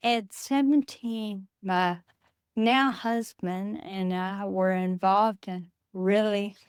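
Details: Adult woman with Friedreich's ataxia, a rare progressive neurodegenerative disease diagnosed at age 23, which she says affects her speech; wheelchair user; ataxic dysarthria.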